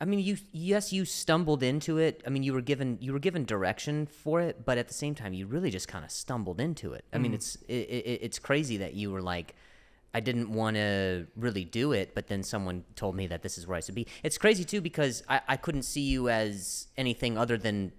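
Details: Adult male comedian who stutters, with repetitions of words and phrases: stuttering.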